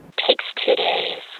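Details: Short spoken sentence meant to convey sadness, played through a cochlear implant simulation; it sounds buzzy and flat, and its sad tone is hard to hear, illustrating CI users' difficulty detecting emotion.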